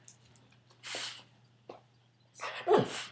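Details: Dog, Sandy, sneezing during a trick-training session: several short, breathy snorting sneezes in a quiet room with a faint steady hum.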